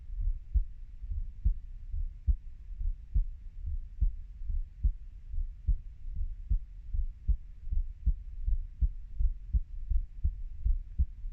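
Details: Person, 30 years old, with a steady, regular low thumping heartbeat at about 75 beats a minute, soft paired sounds and low background hum; normal heartbeat.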